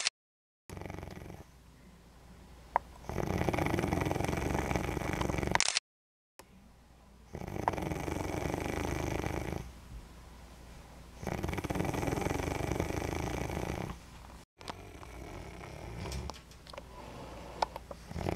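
Rattling, fluttering snores on each breath, about four breaths in eighteen seconds, with a soft snort between.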